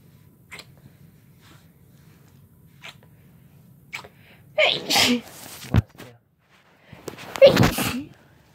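Quiet sniffs and breaths, then two explosive sneezes a couple of seconds apart, part of a sneezing fit, with low room hum.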